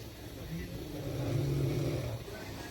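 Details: A passenger snores while asleep on a train: snoring.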